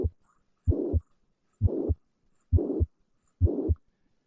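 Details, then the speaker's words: Mitral regurgitation pansystolic murmur: regular heartbeat about 66 per minute with a steady murmur of even loudness filling all of systole, starting right away rather than peaking as aortic stenosis does. "แต่ถ้าเกิดเป็น MR เนี่ยเสียงมันจะเกิดเท่ากันตลอดเวลาไปเรื่อยๆเลยนะครับเรียกว่า pan systolic murmur นะครับ"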